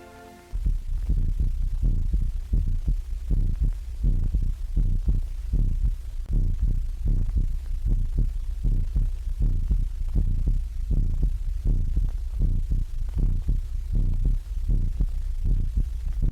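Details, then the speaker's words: Heart sounds played through an early electrical stethoscope in a 1930 film: steady low thumping heartbeat at about 80 a minute over a constant hum from old recording equipment. "a whole room full of students or Consultants can now listen to the Same Heart of body sounds at the same time"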